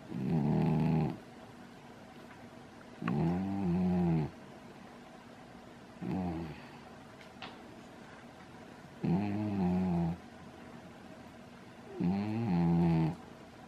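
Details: Pet with its head upside down in a crystal bowl, snoring loudly: rhythmic, low, rattling snores on each breath, about 20 a minute, in a quiet room; snoring.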